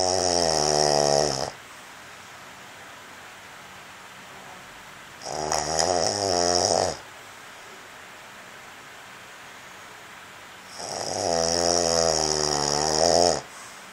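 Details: Sleeping man, snoring loud enough that earplugs didn't help roommates: loud, harsh rattling snores with quiet pauses between, about 11 a minute; snoring.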